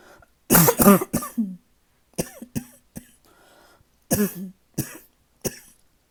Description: I haven’t had an uninterrupted night’s sleep in days…still coughing so much! 😬